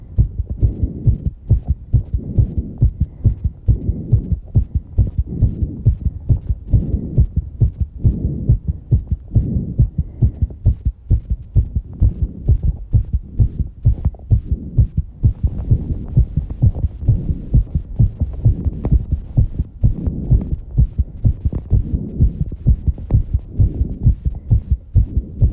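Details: Rapid, steady low thumping of an adult's heartbeat after exercising, with heavy breathing; a fast heartbeat after exercise.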